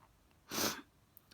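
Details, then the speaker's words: A single sharp, hissing sneeze in a quiet room at night, one of a hard sneezing fit that began just before bed; the sneezing happens every day, and jaw spasms are mentioned. "oh my God I think I'm going to with the neighbors now sneezing so hard yeah it's something I have to live with every day"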